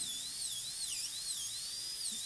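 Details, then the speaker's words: A high-speed dental drill cuts into the lingual embrasure, keeping a uniform chamfer and taper, on a maxillary typodont tooth for a PFM crown prep; a steady high-pitched whine wavers and dips as the bur meets the tooth. "We'll switch burrs to cut through the possible contact here, but we'll try to make sure we keep a uniform chamfer and a uniform taper as much as we can."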